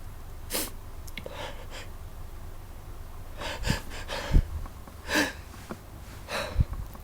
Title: I have the sneezes!